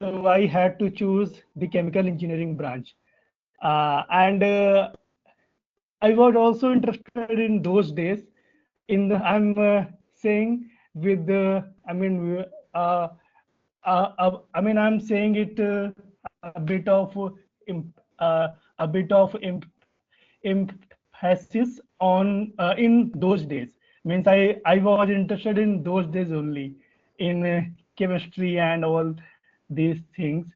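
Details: Adult man from India with real stammering since about class one or earlier, presenting as blocks on words and later bringing fear and anxiety; finding: stuttering.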